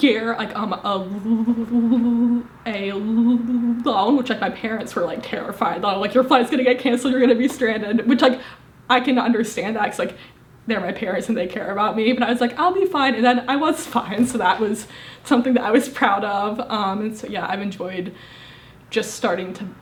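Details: Woman, 25, with a severe stutter, first recorded at 18 when it caused daily challenges and social anxiety; stuttering.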